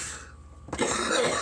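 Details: A sudden harsh, forceful cough breaking out of a quiet breath, part of a long coughing fit after a big bong hit of weed, with sweating and feeling hot.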